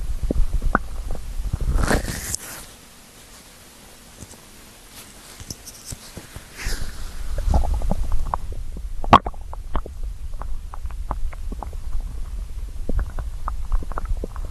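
Low rumbling followed by many small irregular gurgles and pops: hunger-related stomach growling, ordinary bowel sounds.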